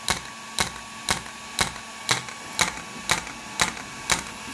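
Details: Sharp, evenly spaced snapping clicks at about two per second from a shockwave therapy device applied to muscle, not bone, for muscle strengthening, such as weak core or gluteal muscles in sciatica.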